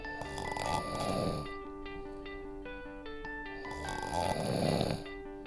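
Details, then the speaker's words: Two loud, rattling snores on the in-breaths separated by a quiet pause, over background music; ordinary snoring, given as an example of about 40 decibels or much louder. "Someone snoring beside you could be around 40 decibels, or, in some cases, much, much louder."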